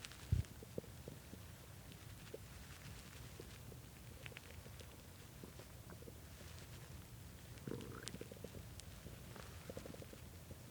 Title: really hungry stomach growling from skipping lunch and dinner and started growling bad at 3:am